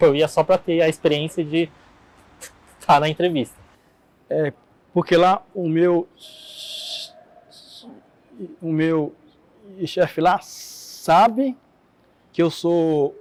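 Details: Adult man who stutters, Portuguese speech; stuttering.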